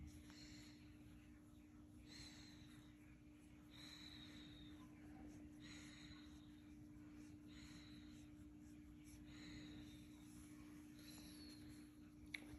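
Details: Female Doberman makes a purr-like wheeze, said by some to be a reverse sneeze or a Doberman trait: soft, rhythmic wheezy snorting breaths, about seven in twelve seconds.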